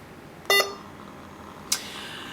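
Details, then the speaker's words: Hawkmed HK 400III veterinary syringe infusion pump, bolus started by holding the bolus button, delivering at a preset 400 ml/h: a tonal beep then a brief chirp in a quiet room; syringe pump bolus beep. "to administer a bonus for your patient you can do so by holding down the bolus button"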